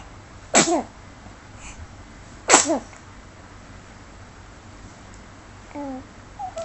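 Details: Two sharp, explosive sneezes about two seconds apart while looking at the camera, then a faint squeak over steady background hiss; sneezing.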